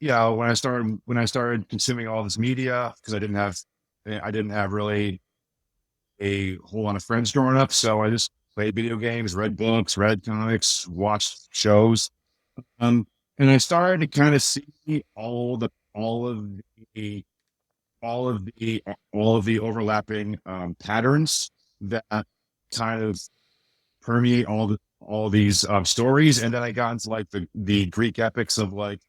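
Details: Adult man with a speech impediment since childhood, much worse then and greatly improved now, still slightly audible; speech disfluency (residual speech impediment).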